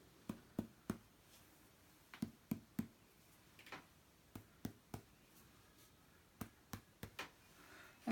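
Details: Abdominal percussion during a nursing assessment, starting at the right lower quadrant of all four quadrants: groups of three crisp, hollow finger taps giving a normal tympanic percussion note.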